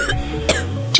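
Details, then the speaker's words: Two short, loose coughs with obvious phlegm over background music: wet productive cough, possibly chronic bronchitis, rhinitis or pneumonia. "种明显带痰，可能是慢性支气管炎、鼻炎、肺炎等，需要结合痰的颜色来判断。"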